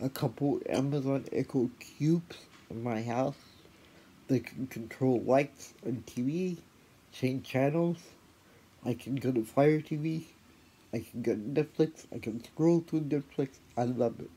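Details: Adult woman with cerebral palsy (type unclear) plus a later spinal cord injury in 2009; she notes a voice assistant sometimes fails to understand her speech; dysarthria (cerebral palsy).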